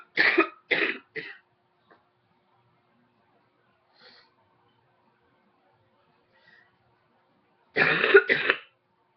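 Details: Three quick coughs, a quiet pause, then two more; a short run of repeated coughing in an adult.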